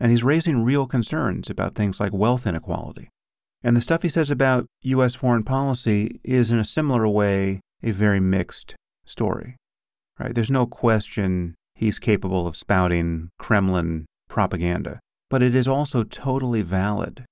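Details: Adult male speaker; normal speech.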